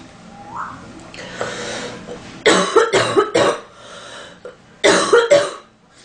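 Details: An adult woman acts out coughing for a sound effect after complaining of an itchy nose: a breath in, then two bouts of short, dry coughs, five in all.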